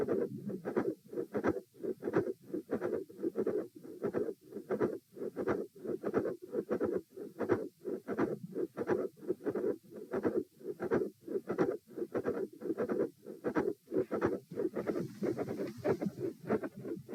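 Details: Heart auscultation stress test at position E, repeat test; heart rate 84, 96, 114 and 78 bpm across lying, sitting, standing and lying again. Fast, regular heartbeat near 95 a minute with a systolic click, soft murmur and fixed split S2.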